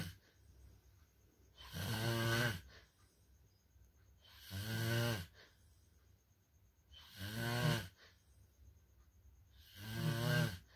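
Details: Disruptive "level 3" snoring: loud, deep, rattling snores about every three seconds, roughly 22 a minute, against quiet room noise.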